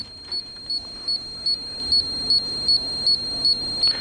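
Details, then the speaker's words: Short high-pitched beeps repeating about two or three times a second in a quiet room: the SDL90ec laser hair removal system's audible warning that it is powered up and ready to fire. "And also an audible warning that the unit is powered up and ready to"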